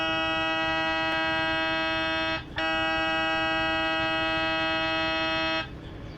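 Loud steady buzzing tone with a brief break, then stopping: the normal gradient noise of an MRI scanner during a scan sequence.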